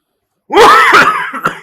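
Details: In a promotional sketch, an adult acts out a short, heavily voiced coughing fit of two or three harsh bursts in a small room: an imitated, not real, cough.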